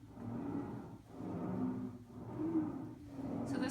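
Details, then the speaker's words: Simulated lung sound on a SAMII simulator for an auditory quiz. Rapid, harsh, high-pitched upper-airway breathing on both inspiration and expiration, audible without a stethoscope, as seen in emergent pediatric cases: stridor. "remember guys Strider is that upper Airway um there's usually some inflammation of bronol Lal spasm"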